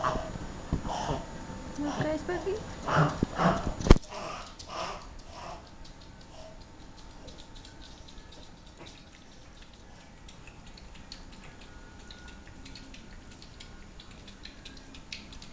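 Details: Maltese, a small-breed dog: a quick run of loud, snorting inward breaths, then quiet. This is reverse sneezing.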